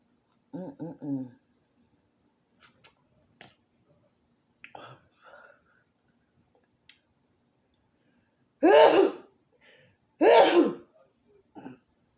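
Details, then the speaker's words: Two loud, sharp sneezes with soft murmuring between them, from someone eating a spicy seafood boil with fufu who says they are about to sneeze again. "Ain't got nothing in there. I'm about to sneeze again."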